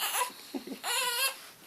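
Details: Newborn, 25 days old: two short, high-pitched cry bursts with brief catches between them in a small room: newborn cry.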